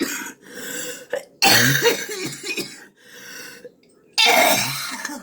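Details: Late-night adult coughing fit, recurring nightly and sometimes to the point of throwing up: harsh, forceful coughs in repeated bursts separated by noisy, strained breaths.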